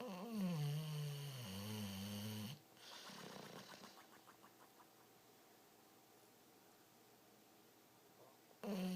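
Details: American Bulldog rescue dog asleep, snoring: a long, loud, rumbling inhaled snore with a buzzing quality, then a quiet exhale and a pause before the next snore.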